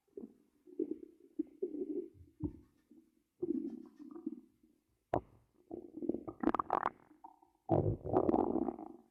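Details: Low gurgling and rumbling bursts with squeaky, bubbling runs and pauses, recorded for ASMR while monitoring the belly; normal bowel sounds (borborygmi).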